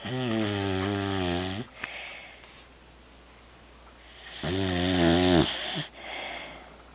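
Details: Overweight female dog snoring while asleep: two loud, drawn-out snores with a rough, buzzing tone separated by quiet breathing; heavy snoring.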